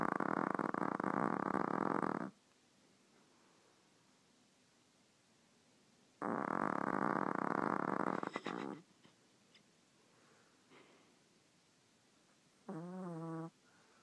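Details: Loud, buzzing, flapping snores about two seconds each, sounding like farts, with quiet gaps and a short squeaky final breath, from a sleeping animal; snoring.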